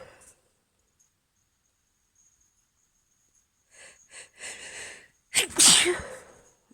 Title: Morning allergy sneezes (f)